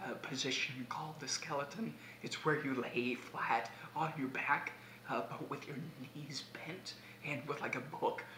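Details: Man with abductor spasmodic dysphonia, conversational speech during days three to five of a spasmodic dysphonia vocal clinic, recorded on a day his voice wasn't sounding well at all; abductor spasmodic dysphonia.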